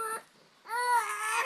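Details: An infant cries in two short bursts separated by a brief pause for breath.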